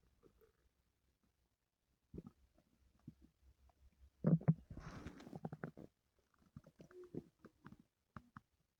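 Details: Stomach noises from a person with stomach pain the previous night: quiet, scattered low gurgles and rumbles with one longer growling stretch, bowel sounds (borborygmi).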